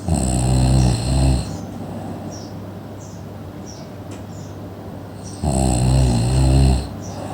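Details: Two loud, low, rattling snores on breathing in, about five seconds apart, with quiet breathing between them: ordinary snoring during sleep.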